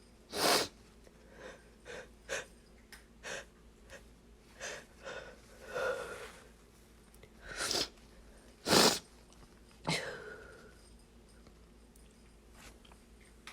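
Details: Stifled sneezes after dusting, held back to stay quiet late at night: a run of about eight sharp, muffled bursts with quick in-breaths between over roughly fourteen seconds.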